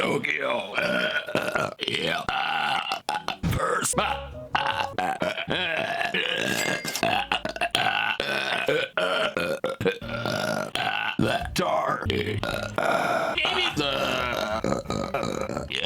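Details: Deliberate, loud, drawn-out voiced burps for entertainment, compiled into about 68 seconds from many videos, mixed with talking, laughter and music.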